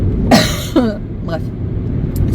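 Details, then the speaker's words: An adult woman with a very dry cough that hurts her throat and woke her last night and this morning gives two short, harsh coughs and a faint third sound, with no rattle, over car engine noise while driving. "Oui, hier soir et ce matin j'ai une canne de toux pas possible qui m'a réveillée d'ailleurs."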